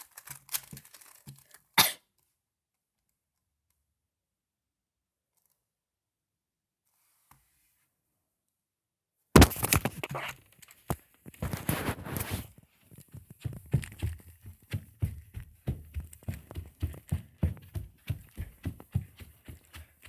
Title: When you cough during cubing.